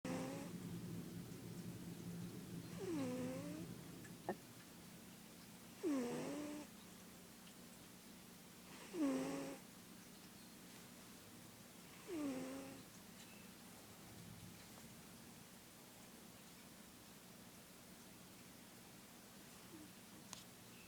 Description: This is my cat Fizzgig. She's a snorer when she sleeps.